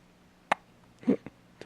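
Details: Baby hiccups, the baby seemingly surprised by them: a few short, abrupt catching sounds in a quiet room.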